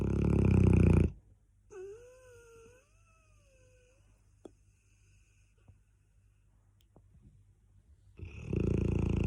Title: Cane Corso Snoring LOUDLY! 😴🐷😂😍